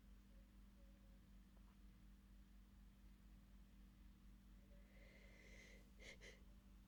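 Two quick, muffled bursts in quick succession over faint room hum, held-back stifled sneezes.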